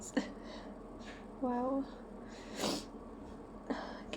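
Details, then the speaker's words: Person with hay fever trying and failing to hold back a sneeze: quiet sniffs and a brief voiced catch, then a sharp, breathy sneeze with a short release afterward. "Guess I really have to sneeze today. No, I still have to sneeze. I still feel poor. I'm gonna sneeze."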